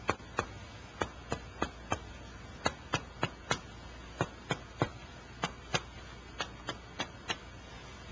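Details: Normal chest percussion during pulmonary clinical examination: series of sharp, hollow taps in small groups across the chest, resonant over the lung fields, turning dull over the diaphragm.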